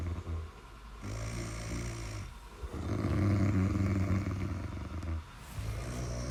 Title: Snoring sound (30 minutes)